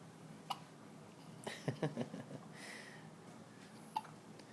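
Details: Newborn infant with hiccups, also hiccuping often before birth, in hospital, congested in the mornings and coughing up mucus: soft, brief throat catches, a few clustered, then another isolated one, in a quiet room.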